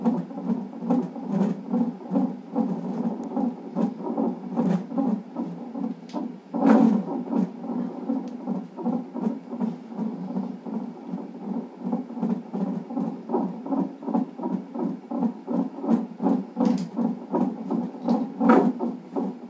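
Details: Fast, steady whooshing fetal heartbeat at about 150 beats a minute, normal fetal range, on fetal monitor during reactive non-stress test in a pregnancy with polyhydramnios.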